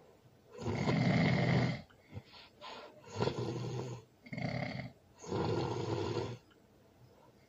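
Loud, harsh, rattling snores in repeated bursts, about four in seven seconds, with quieter breathing noises between them: heavy snoring during sleep.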